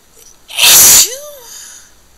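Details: Wet sneeze; a single forceful, wet sneeze followed by a short trailing voiced sound.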